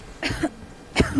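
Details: Adult in a herbal cough-remedy advertisement gives two short, harsh acted coughs a second apart in a quiet room. Cough.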